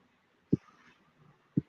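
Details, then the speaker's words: Sleeping dog snoring: two short, low snorting bursts about a second apart over a quiet room background. "30 photos of dog snoring can you hear my dog snoring that's too funny"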